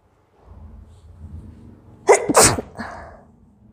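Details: An adult woman doing a nose-blowing/sneezing challenge gives one forceful sneeze after a quiet lead-in, a sharp double burst with a brief voiced trailing exhale.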